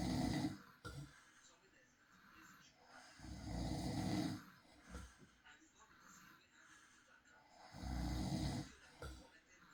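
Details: Low rumbling snores at regular intervals, about every four to five seconds, with quiet breathing between; real recording of a man snoring during peaceful night sleep.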